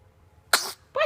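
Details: Holly, a 2-month-old, with hiccups: one short, sharp burst of air followed by a brief vocal sound, met with "bless you"; sneeze.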